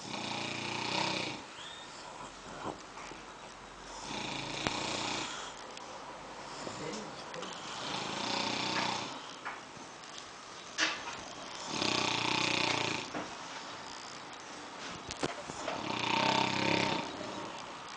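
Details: Two men snoring together until a cell phone rings: loud, rough snores from two sleepers, overlapping in cycles roughly every three to four seconds.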